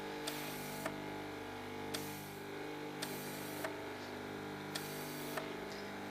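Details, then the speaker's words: Interferential electrotherapy machine with suction electrode cups applied diagonally opposite, suction running before current is turned up, not the treatment itself: steady mechanical hum with a soft click about every second. "that feeling all right that's just going to feel that's the suction of the machine that's not the actual treatment"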